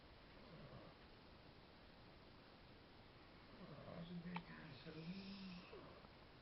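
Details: Cat with stertor, noisy breathing from a partly blocked nose, recorded for the veterinarian after a blade of grass was removed from the nose: low snoring-like snorts with each breath, quiet room.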